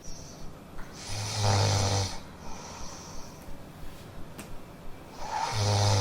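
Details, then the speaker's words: Snoring heard in a house, part of a staged comedy sketch. "What is snoring in your house? What? Can't you hear that thing that is snoring in the house?"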